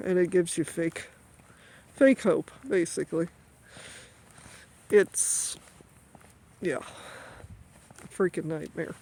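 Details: Adult woman with a current stutter that she says comes on when stressed, occurring during grief after her mother's death. Finding: stuttering.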